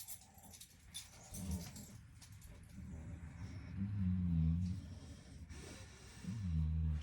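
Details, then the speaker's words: Several pet dogs snoring at home during sleep: low, rumbling, buzzy sounds recurring every few seconds in a quiet room. "you can hear all the dogs snoring in my home right now"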